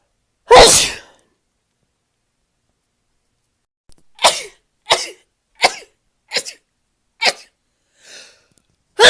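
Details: Compilation of a woman's rapid sneezes: one loud sneeze, a pause, then a rapid run of six or seven short, sharp sneezes fading in strength; repeated sneezing.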